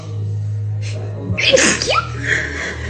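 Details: Sneeze from a female: a quick breath in, then a sharp sneeze ending in a rising vocal squeak, over a low background hum and faint music.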